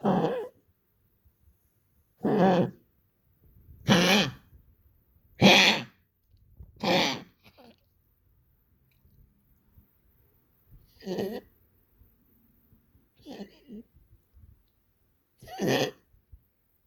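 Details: Coughing in an animal, now much more frequent: about eight repeated harsh, hacking cough bursts over seventeen seconds, some with a throat-clearing quality.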